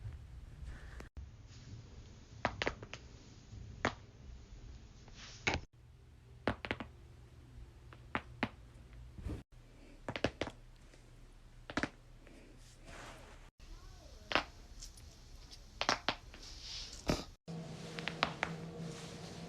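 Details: Sharp isolated pops and clicks in a quiet room; joint cracking compilation.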